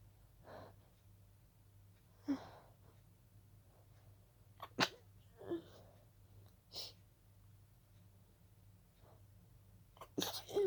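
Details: About seven breathy, held-back sneezes with quiet gaps in a small room: a stifled sneezing fit that began with a pollen allergy.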